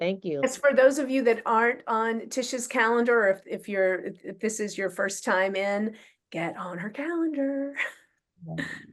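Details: Adult woman; Typical speech.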